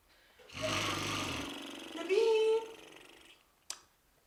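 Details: Acted snoring by an adult man in a comedy TV series scene: rough, rattling inhaled noise and tonal whistling exhale, then a brief click; his companion complains the snoring stops her studying.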